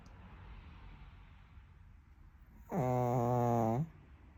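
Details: Sleeping pug, a small flat-faced dog, snoring: a single loud, buzzing snore lasting about a second after quiet breathing.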